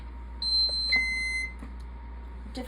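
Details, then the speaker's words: Feeding pump alarm from a patient who had surgery to insert a feeding tube: two steady electronic tones, one high and one lower, over a low room hum. "so that beeping that you heard is actually quite relevant um the surgery was to have a feeding tube inserted"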